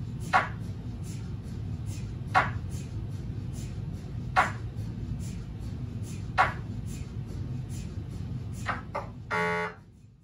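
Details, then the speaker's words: Low steady hum with a brief buzzing chirp every two seconds: automatic prescan tuning at the start of a brain MRI on a GE Signa Excite 1.5T scanner, setting center frequency and RF output, with no images made. "ngayon magsimula tayo sa unang punto ng patakaran na maririnig mo sa panahon ng isang brain MRI scan ang auto pre-scan tuning sequence"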